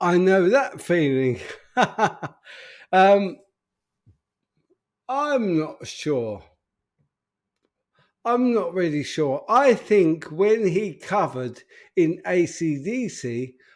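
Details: Adult man with an upper motor neuron disorder affecting speech, progressively more evident and currently worse; real, unacted live speech showing dysarthria (upper motor neuron).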